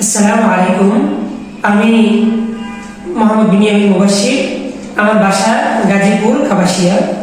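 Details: Young man with a high-pitched voice since about age 15-16, speaking after 3 days of voice therapy; he reports some improvement; puberphonia.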